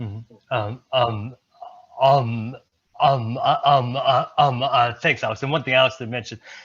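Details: Stuttering in a presenter at a stuttering-community event, speaking during an improv presentation; repetitions heard.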